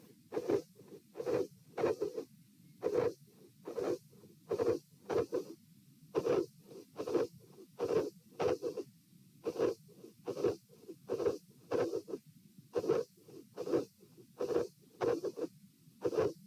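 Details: Heart sounds recorded at position P in a patient with dilated aortic root during a stress test (lying, sitting, standing): irregular rhythm at 66–72 bpm, midsystolic murmurs, cyclic third sound near S2.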